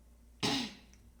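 A single short, harsh cough burst with no rattle or wet sound, fitting a dry cough.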